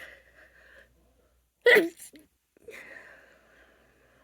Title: itchy allergy sneezes #female #sneeze #allergy